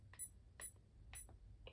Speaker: This is my TENS unit for my back. My back is hurting today.